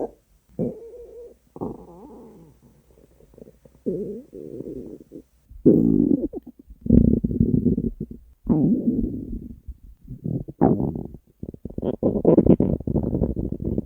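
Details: Hunger stomach growling from a compilation of three years of recordings: loud, drawn-out rumbling and gurgling growls in bursts, some rising and falling in pitch; borborygmi.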